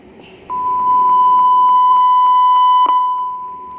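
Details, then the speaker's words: A steady, loud electronic beep held for a few seconds with faint clicks sounds as the alarm volume is adjusted by knob or touch on a Puritan Bennett 980 ventilator; ventilator alarm test tone. "the next one is the alarm volume so I can use the knob or I can use my finger on this"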